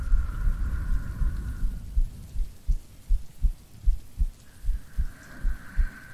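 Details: Adult woman's heartbeat recorded as an ASMR sleep aid with rain: soft, regular low thumps at about 79 a minute; normal heartbeat.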